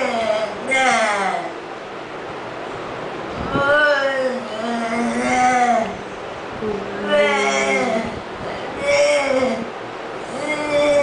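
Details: Patient with amyotrophic lateral sclerosis (ALS) singing Happy Birthday at the therapist's request during speech therapy; finding: mixed dysarthria with spastic features.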